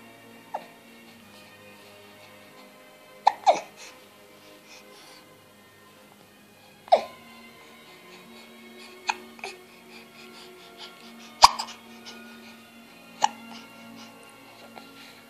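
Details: Baby after eating puree and trying to say something: brief, sharp catches every few seconds, about a dozen per minute, over soft background music; infant hiccups.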